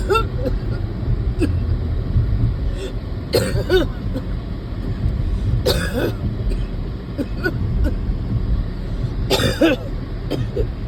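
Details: Several harsh coughs and throat clearing inside a car over loud engine and road rumble, from a person who gets winded walking to the car and is not improving.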